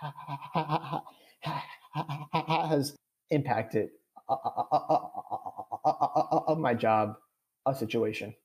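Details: Adult man with stuttering; real, unscripted conversational speech; finding: stuttering.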